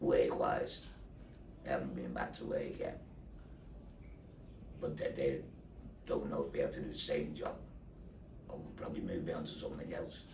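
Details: Adult man after total laryngectomy for larynx cancer (voice box and thyroid removed, neck dissection), followed by radiotherapy, speaking through a neck valve; tracheoesophageal (valve) speech after total laryngectomy.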